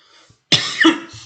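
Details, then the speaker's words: Teacher coughing during a lesson, attributing it to allergy that arises every winter, not COVID; cough. "어 선생님 지금 기침하고 막 그러는데 선생님 겨울만 되면 그 알러지가 생겨 알러지 그래갖고 아 막 좀 어렵습니다 그죠"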